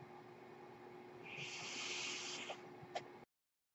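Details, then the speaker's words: Mechanical ventilator breath sound from a person's own ventilator: a soft rushing hiss of airflow swells and fades, followed by a brief click as a breath is delivered. "noise hearing is my ventilator, and thank you for listening to Thranta Thursday on Page Turners They Were Not, my Star Wars podcast."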